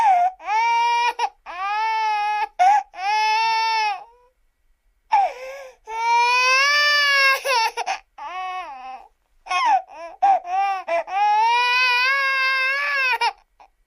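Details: Loud, high-pitched infant crying in repeated drawn-out wails separated by brief breaths; an ordinary baby cry.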